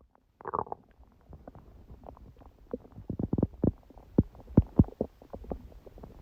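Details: Irregular gurgles, pops and squeaks of stomach growling (borborygmi), recorded about 1:30 am after waking, six hours after overeating udon at 19:30; the person suspects the stomach was reacting to gluten after a long break.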